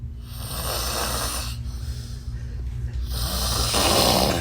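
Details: Loud, harsh snoring from a sleeping friend over heavy room noise; ordinary snoring.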